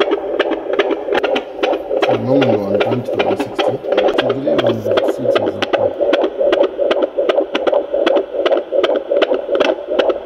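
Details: Rapid whooshing fetal heartbeat, about 150 beats a minute, on a Doppler monitor, heard for the first time by the parents; pregnancy possibly around 24 weeks, with diabetes mentioned.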